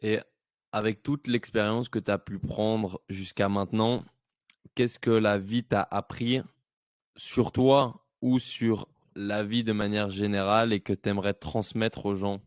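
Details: Adult male speaker, French; Normal speech.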